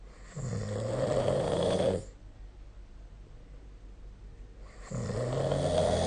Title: 🐽 本日のイビキ / Snoring Sleep Sound 2025/04/29